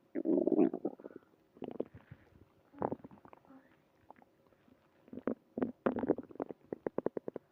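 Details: Early morning stomach growling, bursts of gurgling and rumbling with short squeaky runs and pauses; ordinary bowel sounds (borborygmi).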